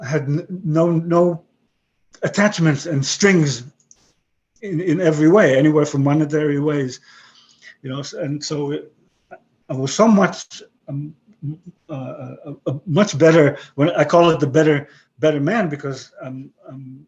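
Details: 62-year-old man with aphasia after a stroke about 11 years earlier; he retains broken English and Hebrew but lost his other languages.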